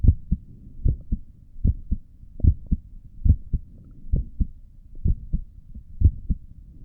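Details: An adult's own heartbeat heard through a stethoscope while sitting at a desk, neck pulse visible: steady lub-dub at about 74 beats a minute with a faint low hum behind it; normal heart sounds.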